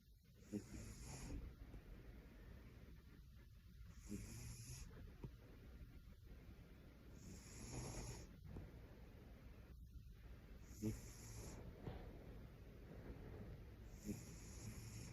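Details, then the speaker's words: Cat snoring: soft, low rasping breaths at about 19 per minute with faint snorts on inhalation. "Tá arroncando, gatoxinha."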